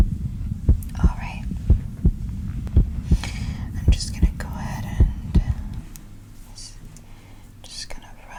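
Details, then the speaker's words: ASMR anxiety role-play, listening on the back during slow deep-breathing exercise: steady paired heart thumps about 57 beats a minute, fading halfway, with soft rubbing and whispers; normal heartbeat, slowed, examiner felt it lowering with breathing. "I I really felt your heartbeat lowering as I was doing the breathing with you so I think that the breathing exercises themselves are going to help you a lot"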